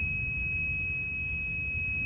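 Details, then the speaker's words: Transport ventilator in neonatal CPAP mode, supplied only with oxygen: continuous high-pitched alarm for low air and low rate, no spontaneous breaths detected. "En modo CPAP nos está dando una alarma de bajo aire porque está solamente alimentado con oxígeno en este momento. La alarma de baja frecuencia porque no detecta ninguna respiración espontánea en el paciente."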